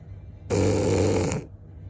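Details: A single loud, rough, rattling inhaled snore lasting about a second in a quiet room; snoring.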